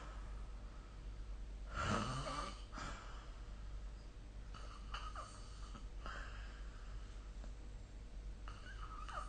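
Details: Snoring during sleep recorded with a smartphone snore-recording app: one loud, rough inhaled snore, then several softer snoring breaths over steady low room hum.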